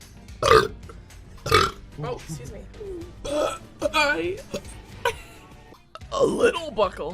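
Two loud, low voiced burps, then talking and more belching over background music.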